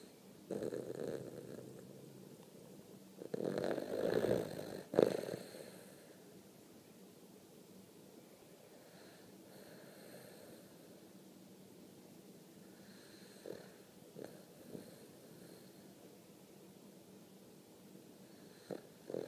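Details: Snoring: two low, rattling snoring breaths at the start, then quiet breathing with faint snuffles.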